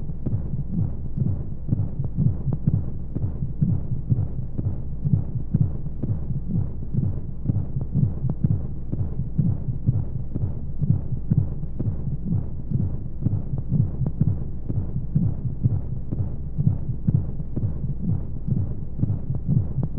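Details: Womb-sound sleep aid for babies: muffled rapid low heartbeat thumping at a regular rate under steady whooshing white noise and flowing sounds, imitating sounds heard in the womb.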